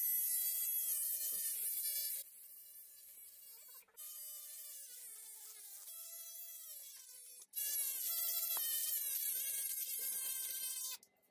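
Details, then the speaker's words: Powered bone burr reshaping the distal femoral condyles during a through-knee (knee disarticulation) amputation in a male patient with CRPS and a complex tibial plateau fracture; high-pitched buzzing motor whine that rises and falls between passes. "The next step is to refashion the distal end of the femur in order to optimize a socket mounted prosthesis usage. I reshape the condyles."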